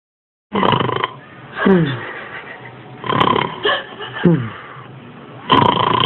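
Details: Snoring from a sleeping young boy: repeated rough, fluttering bursts with breathing, separated by quieter pauses.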